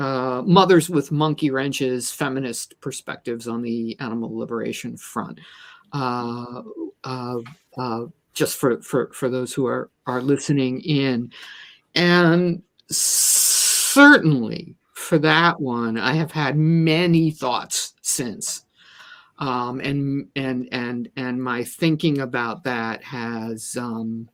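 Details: Stuttering in an adult woman who describes herself as a person with a disability; repeated words are heard in this stretch of speech.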